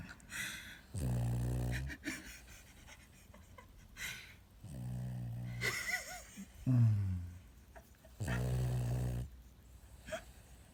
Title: 코 골면서 눈 뜨고 자는 강아지😤 Best snoring dog EVER!!